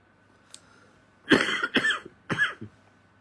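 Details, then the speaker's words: Three short, moderately loud coughs in quick succession from an adult monk during a live evening dharma talk, over a faint steady hum; cough. "ก็ติดไออยู่เนี่ยนะ"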